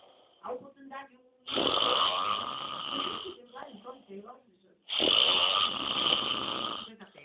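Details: Adult man (the filmer's father) snoring during sleep: loud, harsh rattling snores on breathing in, about two in seven seconds, with quieter breathing between them.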